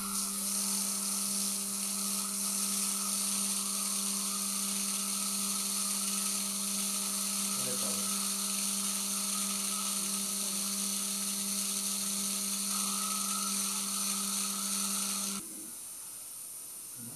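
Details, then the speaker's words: Dental implant site drilling on a drill extension, during implant surgery with GBR for a fenestration wound: steady loud high whine for about fifteen seconds, then stopping. "a 2.0 twist drill is used for the initial drilling the direction will be examined using parallel pins as you can see i am using a drill extension and a sidecut drill to change the direction at this point"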